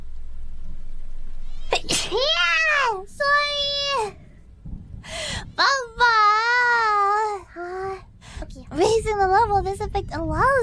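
About five small, high-pitched voiced sneezes in a row, each a sharp burst followed by a squeaky call.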